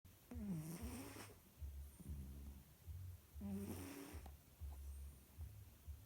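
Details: Female cat snoring while asleep: soft, whistling, snuffly breaths about every two seconds with a low rumble beneath.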